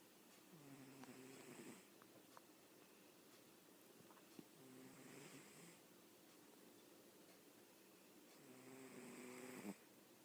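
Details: Three slow, rattly, buzzing snoring breaths about every four seconds in a quiet room from someone sleeping comfortably: snoring.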